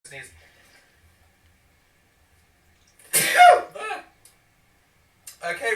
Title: Sneeze Compilation